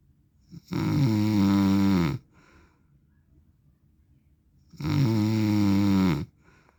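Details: Adult man's snoring recorded in sleep: two long, droning, buzzy snores about 4 seconds apart, each over a second long, in a quiet room.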